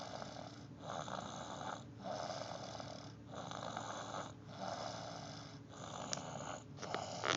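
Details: Snoring during sleep: steady rhythmic snoring, about six rough breaths in seven seconds, each a sustained raspy rumble with brief quiet gaps between.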